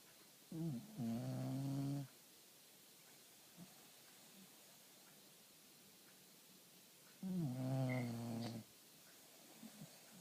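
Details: Child snoring: two low, buzzing, voiced snores about five seconds apart, with quiet breathing between.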